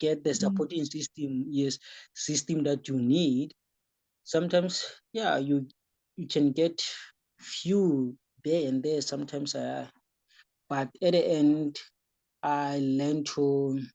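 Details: Young man with epilepsy who developed stuttering during the course of his epilepsy, attributed by the host to his seizures, and says he still sometimes stutters; stuttering.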